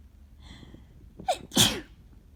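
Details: A quick intake of breath, then one loud explosive sneeze from an adult with a bad summer head cold; cold sneezing.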